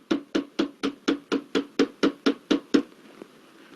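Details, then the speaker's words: Eleven rhythmic hollow claps, about 125 a minute: cupped-hand chest percussion for a child with cystic fibrosis, tilted 90 degrees with pillows under hip and legs, lateral lower chest, lateral basal segment of right lower lobe, postural drainage. "Coming to lateral basal segment of right lower lobe, just you need to tilt child in 90 degrees, keep 1 pillow under the hip and 2 to 3 pillows under the legs, and you need to clap on lateral portion of the lower chest."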